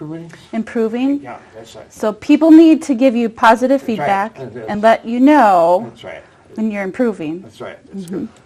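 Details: Adult woman; typical speech.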